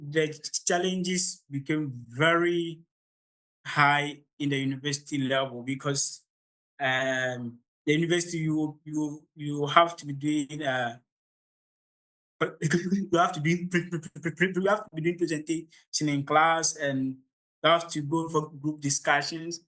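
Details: Adult man from Ghana who stammers, at the start of a public talk, a part he says is usually the most difficult for him; stuttering.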